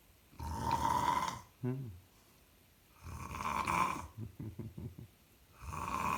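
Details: Loud, rough snoring on each inhalation with brief puffing exhalations between, about three breaths in six seconds, in a small quiet room; the finding is snoring.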